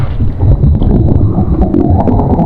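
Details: Staged roleplay audio, not a real clinical recording: continuous loud, deep rumbling and gurgling from the belly, with burps. Stomach rumbling.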